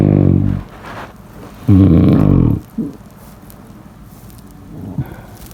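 Two loud, low, rattling snores about a second apart, then quieter breathing with faint snorts: snoring.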